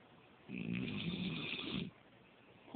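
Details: Adult snoring while asleep on a couch, recorded by a partner: one drawn-out, rough, rattling snore lasting under two seconds, then quiet.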